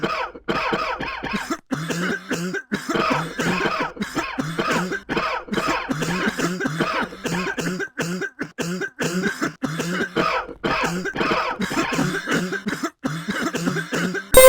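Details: Rapid run of short, harsh, partly voiced cough bursts with brief gaps, repeating throughout; cough.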